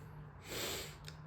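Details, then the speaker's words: Single short, sharp nasal sniff over a low room hum from an adult with cold- and fever-like symptoms, taking medicine, with a congested nose and a lowered voice. "તમે જોવ છો શરદી અને તાવ જેવું છે હમણાં તો દવા તો લીધી છે. હવે શું કહેવાય કે થોડોક અવાજ ડાઉન છે મારો."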